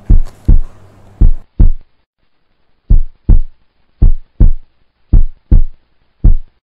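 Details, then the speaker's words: First heart sound (S1) auscultated in the mitral area while palpating the carotid artery, S1 coinciding with the carotid upstroke, during a cardiovascular examination demonstration. "auscultate first heart sound in the mitral area palpate the carotid artery while listening to the first heart sound s1 coincides with carotid"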